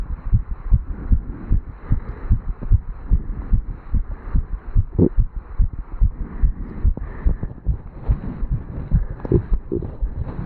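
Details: 35-year-old male, standing still after jogging up stairs, recorded at the mitral (bicuspid) valve area: rapid, strong heartbeats at roughly 140 a minute with some rubbing noise; a fast but normal heartbeat after exercise.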